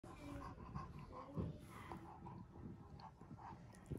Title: Heavy breathing Bulldog